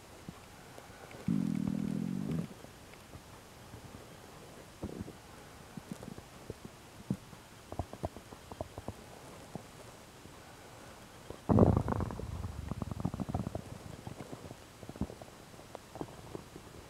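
Low gurgling rumbles and bursts of bubbling from the abdomen, separated by quieter stretches; loud bowel sounds in someone with a stomach ulcer.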